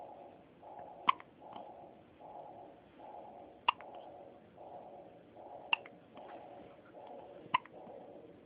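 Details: Infant hiccups: four sharp, brief hiccups about two seconds apart over a steady pulsing hum in the room.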